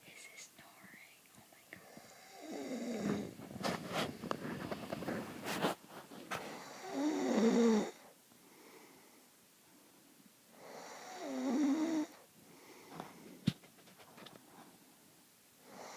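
Slow, rasping breaths with a rough flutter during sleep, about one every four seconds, in a quiet room: snoring.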